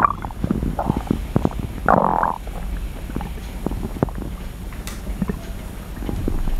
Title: Stomach Sound ASMR, slosh & crackle | Stomach Growling